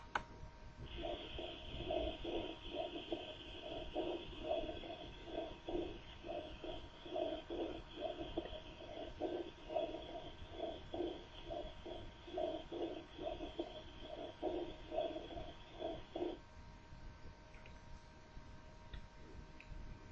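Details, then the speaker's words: Normal whispered voice transmission: patient speaking in a low voice heard through the chest wall as soft, muffled, faint, distant syllables with no distinguishable words, over a steady hum. "si el paciente hablara en un voz baja la voz No solo sería eh de menor volumen la palabra indistinguible sino que"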